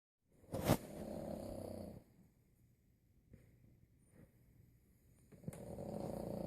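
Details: 25-pound Boston terrier snoring loudly: two long, coarse, rumbling snores on breathing in, about five seconds apart, with quiet breathing between; snoring.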